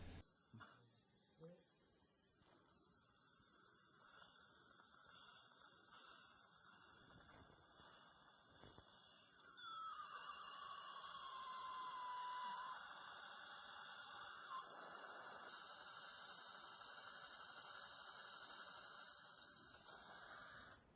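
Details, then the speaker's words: 63-year-old man, immediate implant at lower anterior canine extraction socket, guided surgery: 7 mm path drill running, steady high whine with a brief pitch sweep and background suction hiss. "For path drill, we need to start with shorter one. This is 7 millimeter drill."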